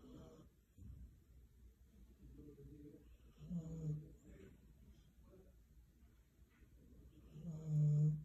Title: Snoring husky 😂😂😂